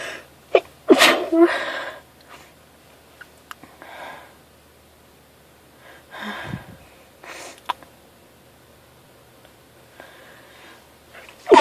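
A loud sneeze burst followed by several softer sneezes and sniffs over about twelve seconds; repeated sneezing.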